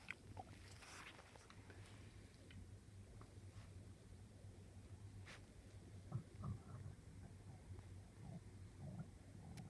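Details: Bowel sounds (borborygmi) from an adult's own stomach: low rumbling with a few brief gurgles and squeaks, described as weird tummy sounds, ordinary bowel sounds.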